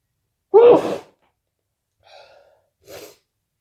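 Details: A single loud, sharp sneeze followed by two faint breathy sounds in a quiet room, from a person whose nose was tickling a lot that day; an ordinary sneeze.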